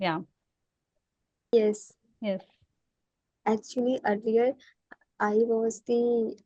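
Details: Woman whose stammer is worsening; she cannot say what she wants and her mouth freezes on words: stammering.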